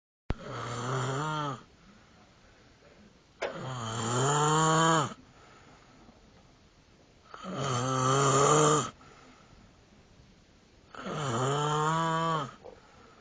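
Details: Loud, steady snoring from a sleeping nephew: four long, groaning snores of about 1.5 seconds each, with quiet gaps between them, at about 16 breaths a minute.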